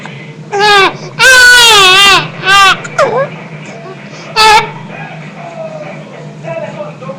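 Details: Baby with hiccups crying; bursts of high-pitched infant crying separated by short pauses over low steady background noise; infant cry.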